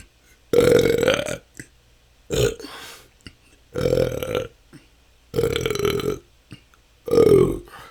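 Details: Loud, long belches one after another, about five in eight seconds with short gaps, recorded continuously; the person says this can go on for hours and has been a struggle for the last couple of years. Excessive belching.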